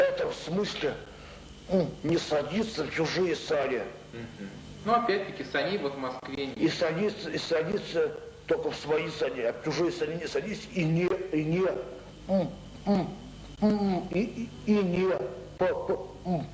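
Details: Adult man with mild intellectual disability (debility), recorded in a 1995 psychiatric interview film that notes thinking and speech are impaired together; speech impairment in mild intellectual disability.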